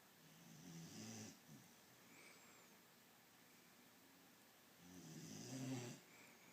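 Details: Sleeping beagle snoring: two slow, rattling snoring breaths about four seconds apart in a quiet room; ordinary snoring.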